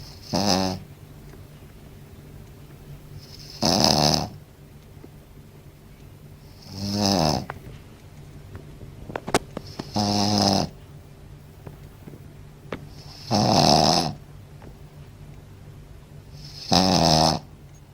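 Loud, regular snores, about 18 a minute, each a rough rattling inhale with a soft constant hum in the room behind.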